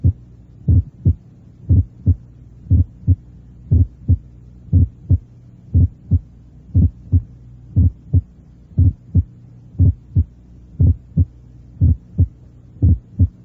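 Regular heartbeat at about 59 a minute; the first heart sound is abnormally split, as heard in right bundle branch block.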